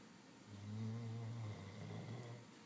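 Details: Snorer who snores all the time: a low, droning snore on one breath, with a steady low buzz that swells and fades.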